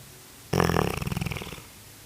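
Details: Snoring labelled "Corso": a single fluttering, rattling snore lasting about a second.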